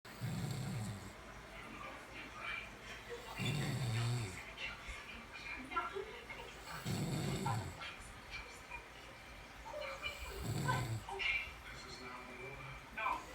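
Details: Woman caught snoring, described as snoring at its worst: low snoring breaths about every three and a half seconds, roughly 17 a minute, over quiet room noise: snoring.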